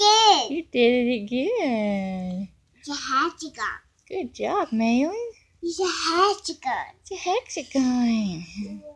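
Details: 3-year-old boy with mild autism spectrum disorder, excited while making favourite shapes, echoing his mother's just-spoken praise phrases: echolalia with vocal stimming.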